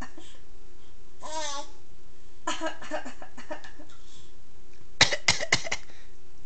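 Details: Baby squealing and giggling as an adult (her mother) gives a quick run of about four sharp coughs: cough.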